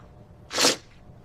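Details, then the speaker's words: Acted skit sneeze: a single short, explosive "achoo" burst in a quiet room after the actor says they are about to sneeze; simulated sneezing. "Oh, no, I'm going to sneeze. Just let it happen. >> Okay, achoo!"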